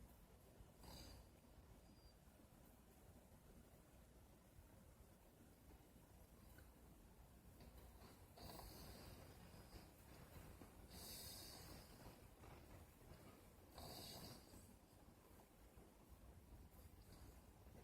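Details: Snoring in a 5-month-old: faint, breathy snoring and snorting breaths every few seconds against steady background hiss.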